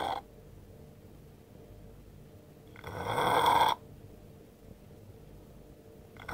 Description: pist asleep on a bench at work, pinching his nose actually makes him snore louder